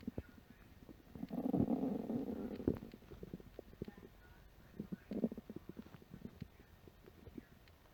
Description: Home after work, empty stomach after a light lunch. My stomach let out some big growls.